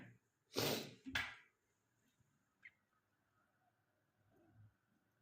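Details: Male giving two loud bursts of air in quick succession, a double sneeze, followed by quiet breathing.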